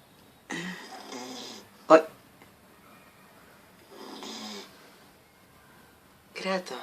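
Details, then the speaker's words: Sleeping dog snoring with its eyes open: two rough, rattling snores about three seconds apart, a sharp snort between them, and a third snore starting. "este perro ronca con los ojos abiertos"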